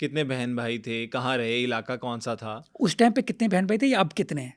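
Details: Adult male interviewer; Normal fluent speech.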